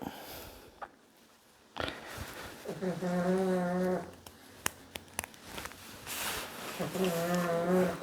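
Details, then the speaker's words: Pug snoring nearby during wheelchair assembly: two loud, buzzing, droning breaths about four seconds apart from a small dog, with workshop clicks and tapping in the background. "All right. If you can hear someone snoring, that's the pug Biser."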